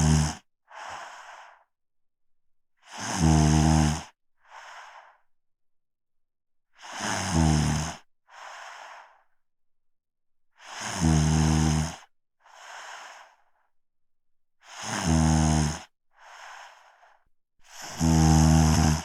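Loud, rough rumbling snores on each inhale, each followed by a softer breath out, about 16 breaths a minute: snoring.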